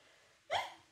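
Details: Person with Tourette syndrome: a single abrupt, hiccup-like vocal sound against a quiet background; a simple vocal tic.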